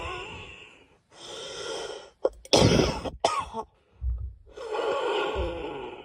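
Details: Girl coughing: a burst of several sharp coughs between noisy, breathy in-breaths.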